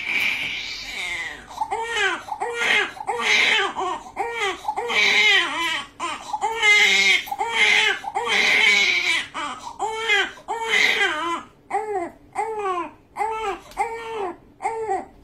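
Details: Loud, high-pitched, rhythmic crying in repeated bursts, about 34 cries a minute, from a newborn during circumcision: a pain cry.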